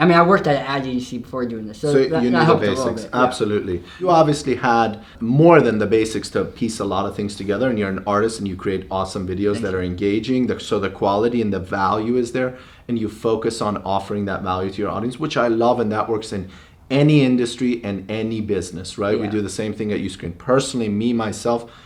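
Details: Adult male; normal speech.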